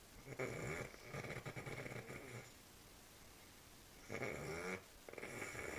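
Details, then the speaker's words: Man snoring during sleep: loud, rough snores repeating with each breath, with quiet gaps between them. "snoring."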